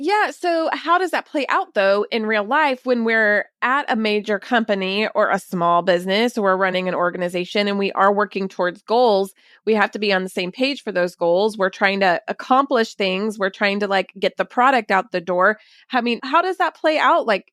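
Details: Adult female speaker; ordinary speech.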